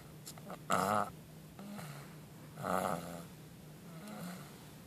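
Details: Repeated rumbling, vibrating breath sounds about 30 a minute with low tone between them: snoring.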